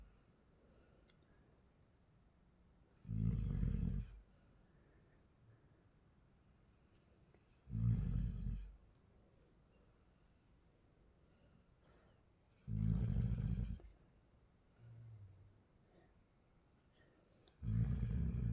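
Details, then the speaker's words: Person sleeping face-down at 2:47 a.m., recorded secretly, snores like this every night per family: loud, low rumbling snores recurring about every five seconds, roughly 12 to 13 a minute, in a quiet room. "ও প্রত্যেকদিন এরকম নাক ডেকে ঘুমায় সেটা আমি আজকে হাতে নাতে প্রমাণ দিচ্ছি"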